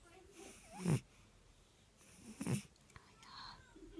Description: Twitching snoring eye rolling Burmese cat dreaming.